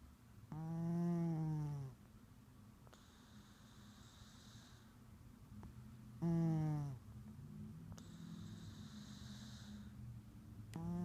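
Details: Orange tabby cat snoring during a big nap: two loud, rough, voiced snores about six seconds apart over a low room hum.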